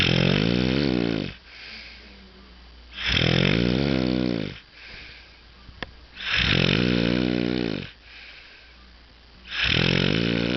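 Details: Person with a snoring problem: loud, rattling snores on each in-breath, about 19 a minute, with quiet out-breaths between; heavy snoring.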